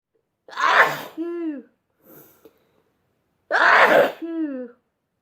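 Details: Two loud voiced sneezes, each a sharp burst ending in a falling 'choo', with a short breath between them, from a compilation of repeated ordinary sneezing.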